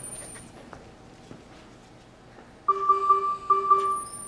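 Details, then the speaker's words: Repeating two-tone ventilator low tidal volume alarm in a mechanically ventilated patient with an endotracheal tube after closed-system suctioning, when the suction catheter was not fully withdrawn from the tube; pressure ventilation volumes decreased. "you take a look and see that you got that low tidal volume alarm going off you can see it that well"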